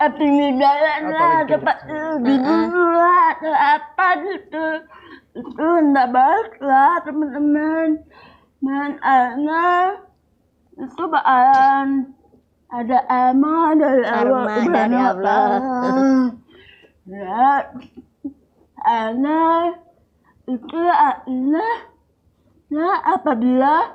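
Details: Dysarthria in a young woman with cerebral palsy, born premature at 7 months; she could not speak until about junior high school, had speech therapy, and her speech remains garbled.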